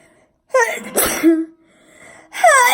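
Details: Deliberately forced sneeze: a loud voiced build-up, then an explosive burst and a second forceful burst.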